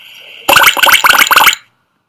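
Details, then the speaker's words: Simulated succussion splash: artificial sloshing, splashing sound imitating gastric sounds heard on auscultation while shaking the body, as in gastric outlet obstruction from peptic ulcer. "Okay. So you auscultate and you shake the body, and then you hear the gastric sounds. But that sound there is just artificial sound."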